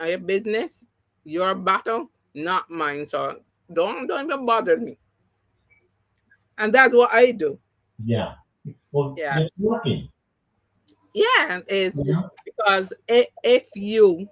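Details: Adult woman with three strokes (2017, 2018, 2019); the first, a haemorrhagic stroke, took her speech and paralysed her right side; aphasia, post-stroke, partially recovered, with some words never returning.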